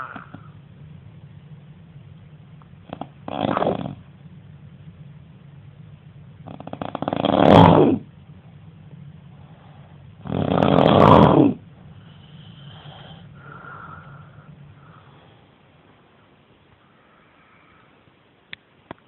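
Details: Roommate snoring during sleep: loud, rough snores at irregular intervals separated by quieter breathing; snoring.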